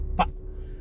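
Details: 27-year-old man with Tourette syndrome who reports more verbal than motor tics; sudden vocal tic between phrases.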